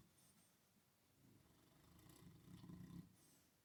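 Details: Snoring during sleep: a soft, low rumbling snore growing louder over a few seconds in a quiet room.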